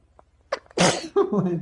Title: Rabbit sneezing🥰🤣#pets #funny #bunny